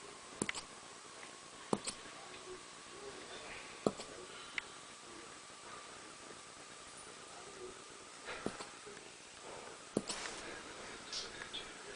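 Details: Soft, sharp little clicks about six times over twelve seconds, unevenly spaced, against quiet room hum; hiccups in a small pet that gets hiccups every time she eats.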